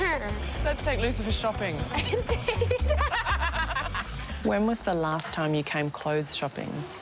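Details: Adult speakers, conversational; normal speech.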